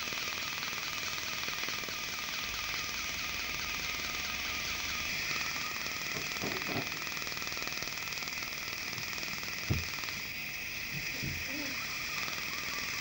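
Fast crackling pulses, about four a second, over hissing suction and a steady whine: a dental laser working on a tooth.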